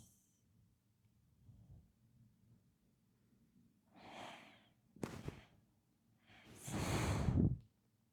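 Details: Tiny dog snoring: quiet breaths, then a short snort and a long, loud, deep rumbling inhalation like a middle-aged man snoring.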